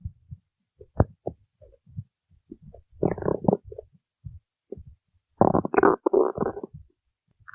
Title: stomach growling while singing